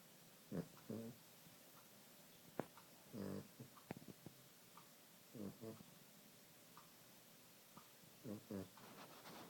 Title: Maltese snoring